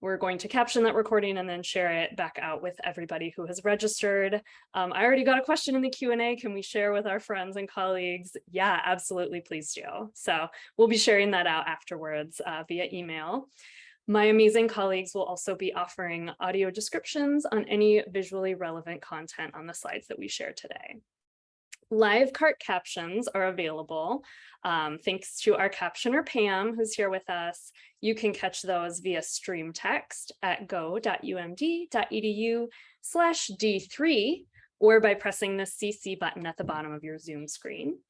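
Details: Adult woman; typical speech.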